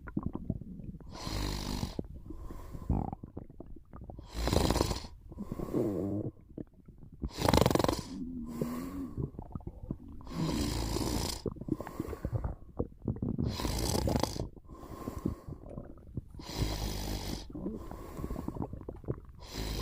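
Loud, rough snores repeat in rhythm during sleep, about one breath every few seconds.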